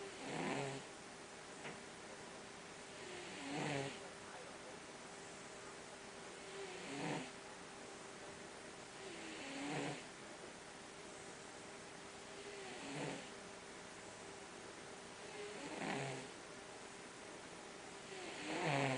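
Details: Relaxed tomcat snoring while sleeping during a break from mousing: soft, regular snoring breaths about every three seconds, roughly 20 per minute, over a steady background hum.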